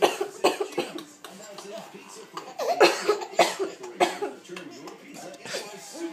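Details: Mother coughing while her young son laughs: several bursts of coughing from a woman mixed with a child's laughter in a room; cough.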